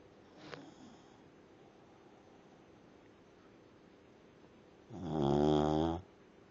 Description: Looking after my mothers dog, Charlie. He snores.